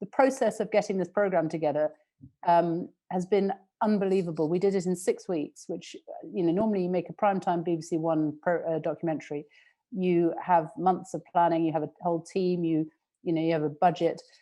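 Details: Adult woman speaking; normal fluent speech.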